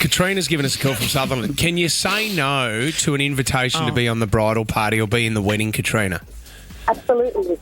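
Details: Adult male radio host; normal speech.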